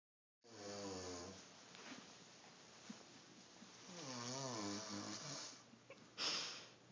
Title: snoring